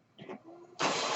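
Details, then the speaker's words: Adult man's mechanical ventilator: a soft low tone, then a sudden loud steady hiss of air delivering a breath during a pause in his speech. "That noise you're hearing is my ventilator."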